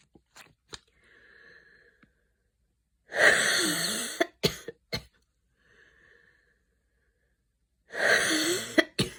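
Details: After an evening run in cold air, a person with asthma breathes with faint whistling, then coughs harshly and at length in two bouts: a coughing fit with wheeze during a mild asthma flare.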